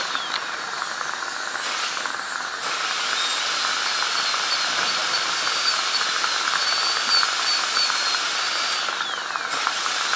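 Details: Steady high-pitched whine with a fine hiss as a high-speed dental drill cuts a tooth, during an ADC practical exam demo of an FGC preparation on tooth #36.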